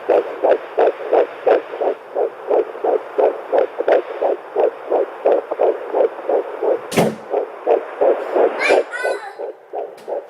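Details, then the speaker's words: Fetal heartbeat at 9 weeks of pregnancy on a home Doppler: rapid, regular whooshing pulses about 175 a minute with a brief handling bump midway, high but normal before about 12 weeks. "high, but that's actually totally normal until about 12 weeks when it goes down and settles more between 140 and 160. So it's right where it's supposed to be."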